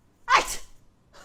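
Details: A single sharp, explosive sneeze burst after rubbing and massaging the nose with the fingers as a sneezing hack: sneeze.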